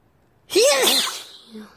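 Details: Person who says they are sick and sniffed some powder: one sharp, loud voiced sneeze after a short silence, fading into a soft breath; a single sneeze.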